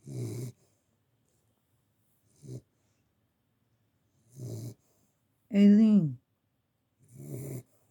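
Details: Dog with blue eyes asleep after playing with her twin, snoring: short low rumbling snores at irregular intervals in a quiet room, with one louder groaning vocal sound.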